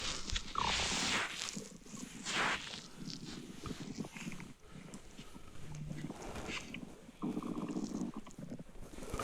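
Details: Real stomach grumbling during digestion, adult abdomen: irregular gurgles, squeaks and rumbling sounds; normal bowel sounds (borborygmi).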